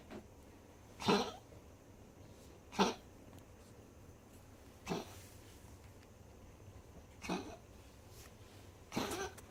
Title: Bruiser after Tracheal Ring Surgery. Constant coughing while exhaling.